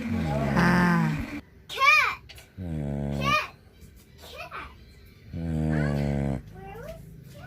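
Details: Sleeping dog snoring with deep, buzzy rumbling bursts about every two and a half seconds, likened to a boat, with faint music and chirpy sounds in the background.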